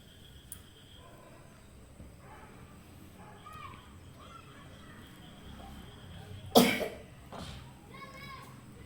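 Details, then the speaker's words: Child (son) with a cold whose cough has worsened: one sharp cough followed by a softer one, amid faint child voices and household noise. "ಮಗನಿಗೆ ಶೀತದ ಗಂಟು ಆಗಿತ್ತು ಅಲ್ವಾ ಸ್ವಲ್ಪ ಕೆಮ್ಮು ಜಾಸ್ತಿ ಆಗ್ಬಿಟ್ಟಿತ್ತು ನೋಡಬಹುದು ಯಾವ ಒಂದು ಕೆಮ್ಮುತಾ ಇರೋದು ನಿಮಗೆ ಕೇಳಿಸ್ತಾ ಇರಬಹುದು"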